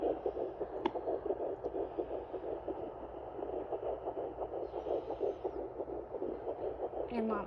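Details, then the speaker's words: Fetal heartbeat at 10 weeks 2 days of pregnancy on a handheld Sonoline B fetal Doppler. Rapid whooshing pulses are heard at around 170 a minute, far faster than the mother's heartbeat. The on-screen heart rate was not reading accurately. "now you'll know that it's a baby's heartbeat because it's going to be way faster than yours there it is there we go I don't think that's an accurate heart rate on there right now but you can hear it"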